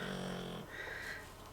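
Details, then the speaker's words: Pet dog asleep and snoring within seconds of going to bed after a drink of milk: a single low, buzzing snore followed by quieter breathing noise. "So I always give her a drink of milk, and then she goes to bed, and within seconds she's asleep and she's snoring away."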